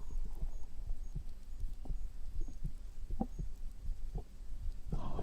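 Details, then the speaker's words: Heartbeat recorded with a microphone placed on the upper abdomen just below the sternum: soft, regular low thumps at about 80 beats per minute. "You can hear my heartbeat through that."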